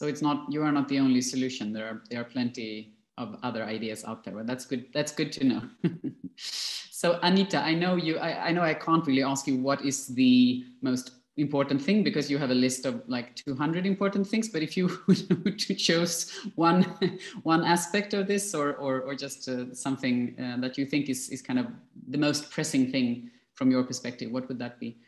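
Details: Adult speaker; normal speech.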